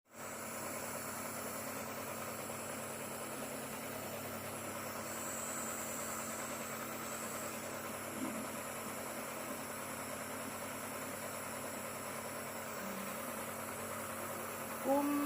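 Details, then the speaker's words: Steady mechanical hum and whine of a nebulizer compressor running during a child's nebulizer treatment for cough and cold; the child, Bennett, holds the nebulizer himself. "Bennett pintar loh, bisa pegang sendiri nebunya loh. Cepat sembuh."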